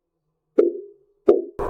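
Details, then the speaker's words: Simulated paradoxical pulse in a volunteer breathing through a narrow straw: as the cuff deflates, two regular whooshing Doppler Korotkoff sounds about 0.7 seconds apart are heard continuously in both inspiration and expiration. "Continuous. Now it's become continuous. That means both during inhalation and exhalation, we hear the Korotkoff sound."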